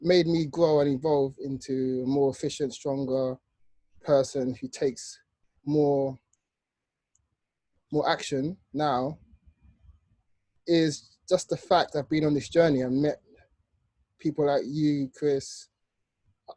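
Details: Adult male speaker; stuttering.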